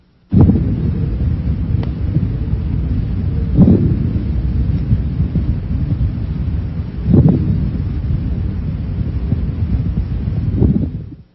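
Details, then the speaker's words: Coarse crackles on lung auscultation, louder, lower-pitched and longer than fine crackles; low, rough, discontinuous crackling over the chest that swells with each breath. "course crackles are louder lower pitched and longer"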